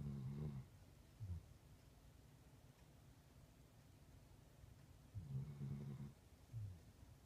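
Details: Low rumbling snores in pairs, a longer one followed by a short snort, from a puppy sleeping on a couch in a quiet room; snoring.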